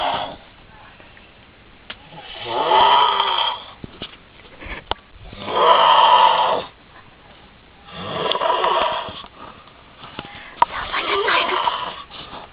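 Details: An adult man snoring very loudly, as he always does: loud, rough snores on each breath in, about four in twelve seconds, with quiet pauses between; heavy snoring.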